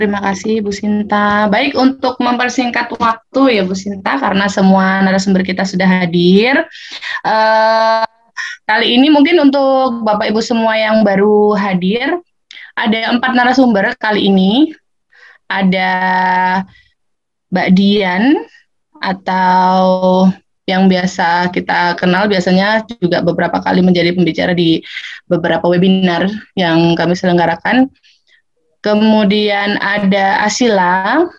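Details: Adult host; typical speech.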